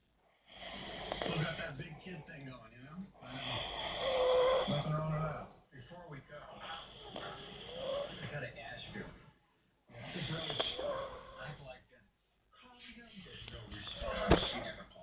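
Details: Adult man asleep after a long drive, snoring: loud rough snores, roughly five breaths in fifteen seconds, with quiet pauses between them.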